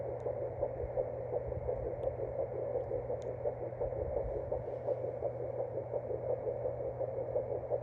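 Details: Home Doppler at 7 weeks 5 days of pregnancy: rapid, steady whooshing fetal heartbeat at about 167 a minute over Doppler hiss.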